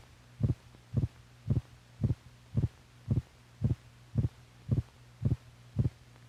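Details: Normal heart sounds from a 1950s(?) teaching film for doctors that records heartbeats alongside the heart's physical motion.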